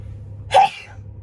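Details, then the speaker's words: Single sharp, explosive sneeze over a low background hum, from a sneeze compilation; the sneezer announced an imminent sneeze and asked for a "bless you". "Okay, I'm going to sneeze in a second. Sorry, guys. Say bless you to me."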